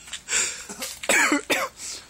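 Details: An adult gives two sharp, harsh coughs after breathy, gasping noises while attempting the cinnamon challenge, one tablespoon of cinnamon; an irritant cough.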